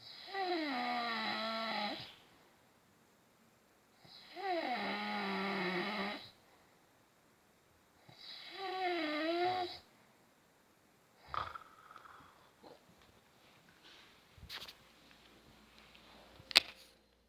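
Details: Father sleeping: three long, loud, buzzing snores on the in-breath, about 15 breaths a minute, then quiet room noise and a few clicks; snoring.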